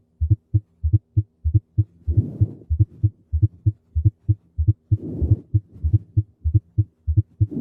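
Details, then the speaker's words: Fourth heart sound (S4): regular low heart sounds with a soft extra thud just before S1, in late diastole. It comes from forceful atrial ejection into a stiff, hypertrophied ventricle and is pathological (hypertension, hypertrophic cardiomyopathy, valvular disease). "cuarto ruido cardíaco ocurre en la fase final de la diástole ocurre por la eyección auricular forzada hacia un ventrículo que se encuentra rígido"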